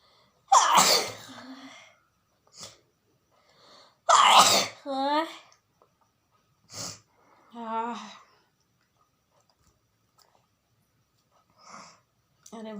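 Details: A woman deliberately induces sneezes for a sneezing challenge: two loud, explosive sneezes, each followed by a short voiced sound, with faint sniffs and breaths between them.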